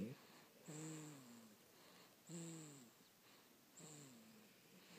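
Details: Child and father snoring: three soft, tonal, whistling snores falling in pitch, about every one and a half seconds; light snoring.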